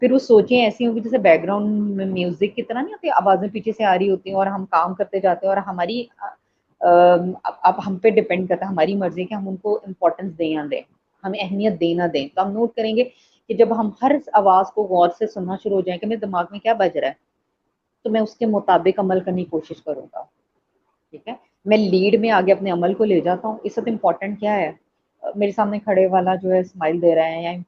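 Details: Adult speaker; typical speech.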